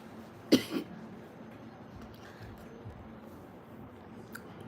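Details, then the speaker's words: Single short cough with brief throat-clearing follow-up, then quiet room noise, from a woman with a hoarse voice who says a Vicks lozenge got stuck in her throat. "गेला आतमध्ये मध्ये Vicks गोली अटकली."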